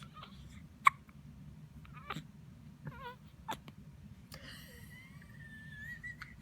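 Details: Newborn baby boy in the NICU: several brief, sharp hiccup catches in a quiet room with faint squeaky infant sounds between; newborn hiccups.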